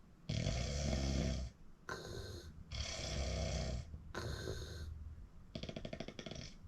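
Loud, harsh rattling snores with short pauses between breaths, ending in a fluttering snort.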